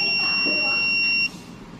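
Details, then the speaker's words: Student-built syringe pump prototype; 15 mL dispensed with the outflow cut so fluid enters the pressure compartment: steady high-pitched buzzer lasting over a second then stopping, with the LED lit; high-pressure alarm. "and yes it detects some pressure change the LED turns on and the buzzer"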